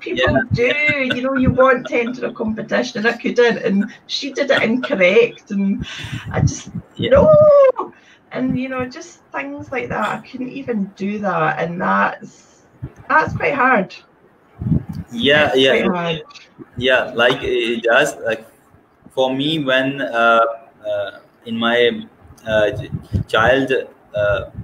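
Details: Adult woman with a speech problem since age three who reports blocks when speaking; stuttering.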